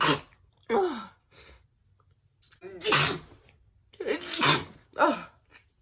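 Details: Hay fever sneezing: a run of about four forceful sneezes with sharp intakes of breath between them.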